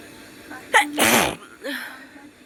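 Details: A quick intake of breath, then one loud explosive sneeze and a short voiced trailing sound, from a nose sneezing challenge: a single sneeze.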